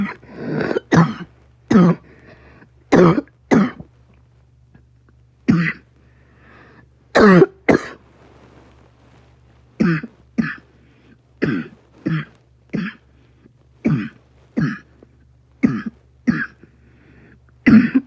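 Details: Repeated short, sharp coughs in pairs and singles, around fifteen bursts, with quiet room noise between; cough.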